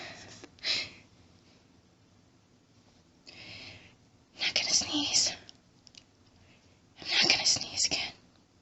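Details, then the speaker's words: Staged hiding scenario with whispering: a person says they can't stop sneezing and that it tickles, trying to stay quiet. Soft breathy bursts, the last two stronger and hissing, fit stifled sneezes in a quiet room. "Can't stop. Need to stop sneezing. Oh God, it tickles. It's so hard. Not to sneeze."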